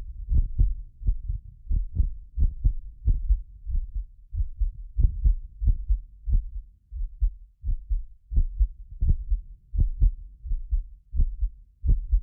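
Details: Heartbeat of a self-described medically fit person, recorded with several precision contact microphones: deep regular lub-dub at about 88 a minute; occasional doubled clicks are a 6 ms multi-microphone delay artifact. Normal heart sounds.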